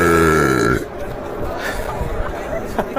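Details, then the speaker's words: Ranked fifth in a compilation of best burps: a loud, drawn-out burp with a rough, low voiced tone, done while doing a "sui" celebration, followed by crowd noise and chatter; belching. "These are top five best road of I burps. At number five, doing sui with burping is top tier skill."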